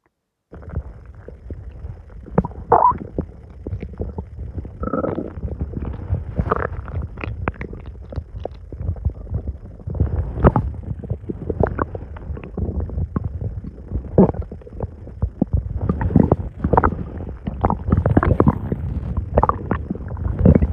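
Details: Continuous low gurgling and rumbling stomach noises after eating a very large meal; active bowel sounds of digestion.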